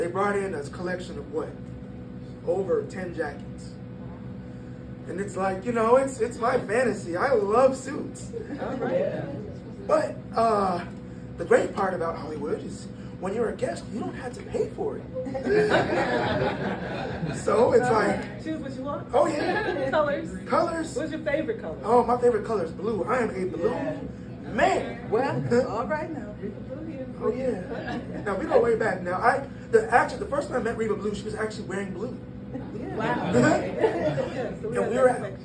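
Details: 22-year-old man born prematurely at about one pound, vocal cords having to develop as he grew and still not closing all the way; breathy high-pitched voice from incomplete vocal fold closure.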